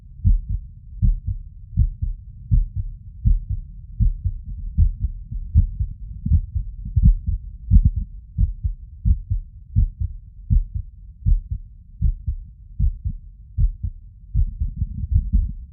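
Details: Heart auscultation over the tricuspid valve area with the stethoscope diaphragm after exercise: low heart thumps at about 79 per minute with uneven spacing between beats, an arrhythmia.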